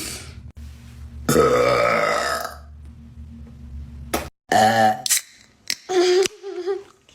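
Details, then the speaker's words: Young woman deliberately burping before dinner by swallowing air, without soda: several loud, drawn-out voiced belches, one long and rumbling, then shorter ones, with laughter between. "I'm like going to dinner, so I got to get it all out. There's still some in there, so you have to put air in to get it just to all release."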